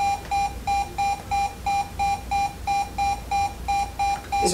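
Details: Ventricular tachycardia (monitor alarm).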